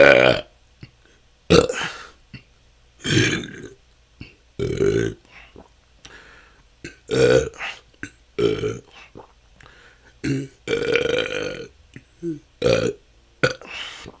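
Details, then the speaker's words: Adult with excessive belching for the last couple of years, episodes lasting hours, recorded in a continuous 10-minute session: about ten loud, resonant belches in quick succession with brief pauses; excessive belching. "that's 10 minutes this can go on for hours this has been my struggle for the last couple of years"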